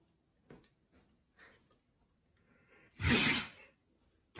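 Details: Husky dog sneezing: a single loud, explosive sneeze after a few soft sniffs in a quiet room.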